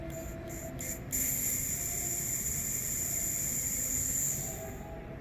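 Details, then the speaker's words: A few short hisses, then a steady high hiss of about three seconds as leftover pressure bleeds from a D-size oxygen tank regulator after the flow knob is set to 0 and the main valve closed; the gauge needle falls. "When you release pressure, you're gonna see the needles going down, and then with the sounds like this."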